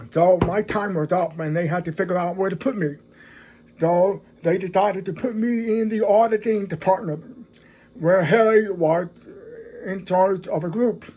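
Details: Adult man who is deaf, speaking English; deaf speech.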